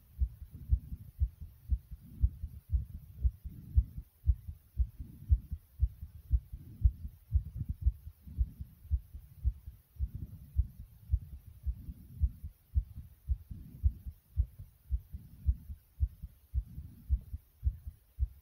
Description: Listen to my heart as it it pounding from inside my chest.